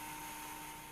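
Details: Steady high-pitched motor whine of a power drill running continuously as it drives a second pin to fix a cutting block on the distal femur. This is a total knee replacement demonstration on a dry bone model, not a patient.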